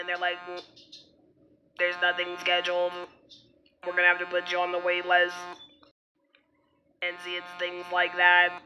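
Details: Adult woman after laryngectomy who had a throat dilation procedure in August, with gradual further dilation planned, speaking with an alaryngeal voice; alaryngeal speech after laryngectomy.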